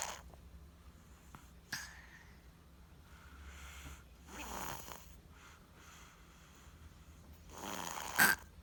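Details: Soft rhythmic snoring noises with quiet breathing between them from a baby girl, an infant, while sleeping; ordinary snoring.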